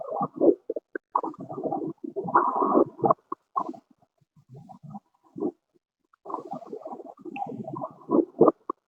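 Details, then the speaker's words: Pleural friction rub: coarse, creaking, grating bursts that come and go with breathing, in both inspiration and expiration. Asking the patient to hold their breath helps distinguish it from a pericardial rub. "y lo mismo que los remitos chicos cuando yo encuentro un sonido de frote tengo que caracterizar y distinguir saber si ese frote viene de pleura o de pericardio porque también puede ver brotes pericárdico"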